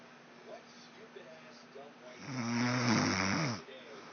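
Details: Faint low breathing, then one loud rattling, buzzing inhaled snore lasting over a second; a wife snoring loudly.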